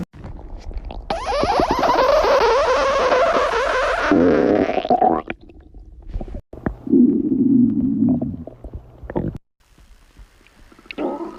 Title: Girl stomach growling ( 4 minutes)